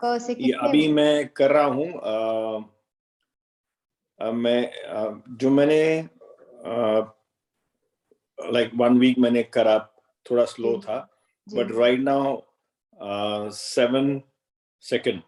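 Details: Stroke survivor with aphasia, Hindi speaker, naming a row of pictured objects in an online conversation-practice therapy class with a speech-language pathologist: aphasia after stroke.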